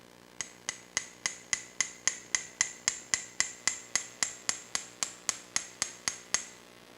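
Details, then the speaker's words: Steady sharp metallic taps, about 220 a minute, as an awl is tapped into bone at the humeral head during arthroscopic shoulder repair to create the second bone socket. "Now we're going to create another one just here. So once again, you're going to hear some tapping."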